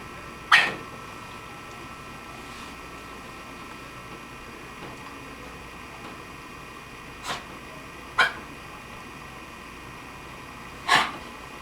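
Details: A dog with kennel cough, the cough set off by tracheal palpation (rubbing the windpipe), gives a few short, sharp, dry coughs: the dry, hacking cough typical of kennel cough.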